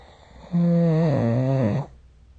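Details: Snoring recorded with the SnoreLab app: a single drawn-out, low, droning snore lasting over a second, with a steady vibrating tone that dips in pitch toward the end.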